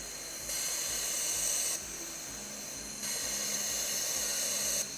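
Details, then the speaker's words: Prototype ventilator (revision RC25, adjustable inspiratory time and PEEP) with an air bleed open: steady high-pitched hiss rising and falling in loudness, pressure climbing more slowly and delaying pressure-switch triggering. "And that's because I have it bleeding right now."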